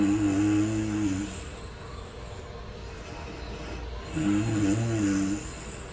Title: Snoring sound #fallasleep #remsleep #sleepfast #fallasleepinunder3minutes #sleepquickly